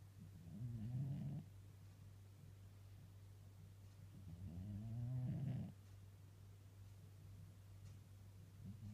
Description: My super cute cat Tiger snoring while napping on my lap